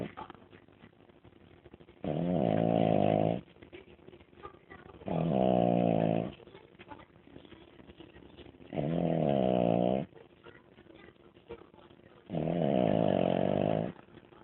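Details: Sleeping dog snoring: four loud, buzzing rattles on breathing in, about one every 3.5 seconds, with quiet pauses between.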